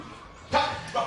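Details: Acted barking-like vocal tic of Tourette syndrome, portrayed in a dramatized film scene.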